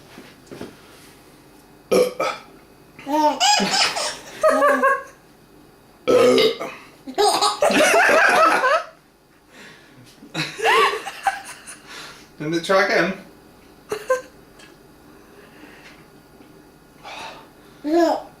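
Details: Several loud, drawn-out, gassy belches alternate with bursts of a young boy's laughter, as he finds the burps hilarious and anticipates them; burping.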